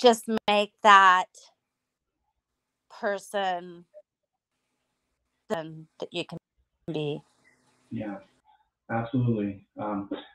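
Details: Woman about nine years after hemorrhagic strokes caused by a carotid artery tear, which left her unable to talk; she relearned speech with a speech pathologist through singing. Post-stroke aphasia.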